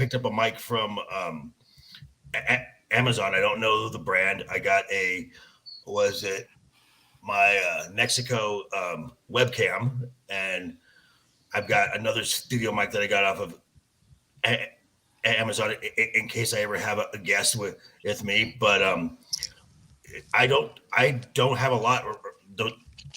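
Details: Man who says he stutters, speaking in raw, unedited footage: stuttering.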